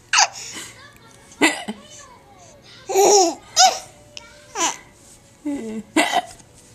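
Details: Person laughing while having hiccups, recorded with a Flip Video camera: laughter broken by several short, sharp hiccup-like catches.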